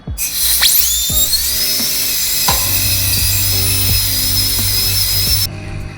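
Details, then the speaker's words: Steady high-pitched dental drill whine for about five seconds with a low hum beneath, slowly drilling the centre of an extracted human tooth to open the pulp chamber in a root canal treatment demonstration. "धीरे धीरे drilling की जाती है, चाहे हमारे हाथ में हो चाहे पेशेंट के हो। दांत के बिल्कुल सेंटर में रख के ड्रिलिंग होती है।"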